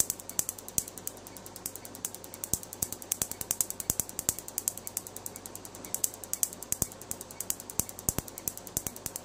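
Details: Rapid, sharp, fairly regular snapping clicks, about 150 per minute, from a MedLite C6 Q-switched laser pulsing during removal of a black-and-grey tattoo.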